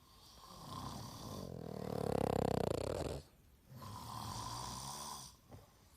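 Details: Loud, low, vibrating snore that rises and cuts off, then a softer rough breath; heavy snoring during sleep.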